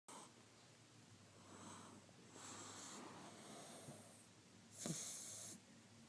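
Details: Pug/jug snoring: noisy, hissing breaths with a sharp snort partway through; snoring.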